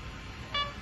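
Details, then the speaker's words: A Corpuls mechanical chest compression CPR device being switched off after compressions: a single short electronic beep over low room noise; switching off takes about 5 seconds. "will take 5 Seconds to take off turn off in case you turn it off off by mistake so now the device off"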